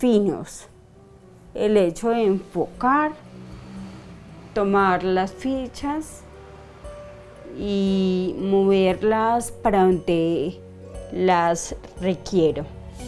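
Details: 42-year-old woman diagnosed 10 years earlier with idiopathic cerebellar ataxia, with episodes of slurred speech, involuntary tongue movement and daily speech therapy; ataxic dysarthria.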